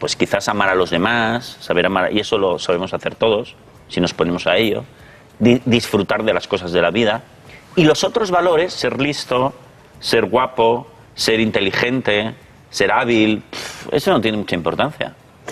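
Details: Adult man speaking Spanish; fluent adult speech.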